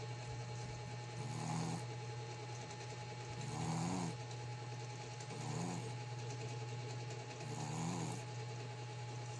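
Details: Black Shih Tzu × American Pekingese pet dog snoring: soft, rhythmic snorty snores about every two seconds over a steady machine hum; light snoring.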